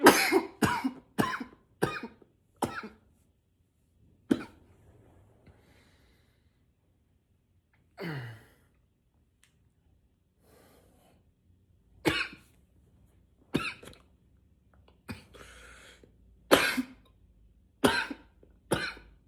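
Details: Persistent dry cough, described as nonstop: about fourteen coughs, first in a rapid run, then spaced bursts with pauses; cough.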